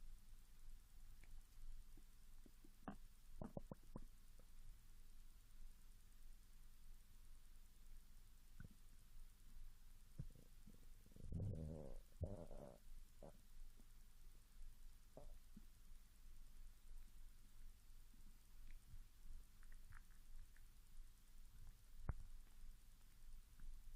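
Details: Young Japanese woman fasting 16 hours, growling after drinking mineral water, recorder directly over the stomach: soft low gurgles and a brief squealing rumble, hunger borborygmi.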